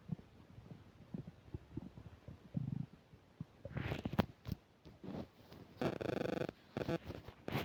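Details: Irregular gurgles, squeaks and bubbling rumbles with a few louder drawn-out growls, recorded by a mic while eating a burger and fish fries: active bowel sounds (borborygmi).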